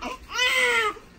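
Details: Newborn baby boy crying just after a medicine-free hospital birth, the mother's second child: a single loud, high-pitched wail, a normal vigorous cry.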